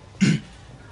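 One short, abrupt throat-clearing grunt in a quiet room, acted as a vocal tic of Tourette syndrome.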